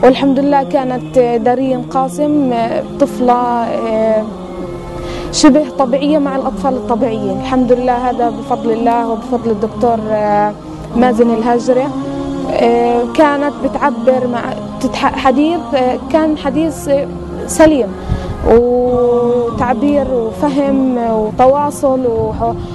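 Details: Adult woman; typical adult speech.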